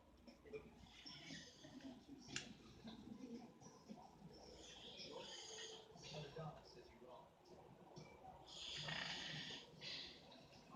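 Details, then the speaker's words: Adult hotel roommate asleep after staying awake the previous night, with irregular, moderately loud rattling snores and snorts in a quiet room; snoring. "But I want y'all to see how my roommate back there snoring like crazy."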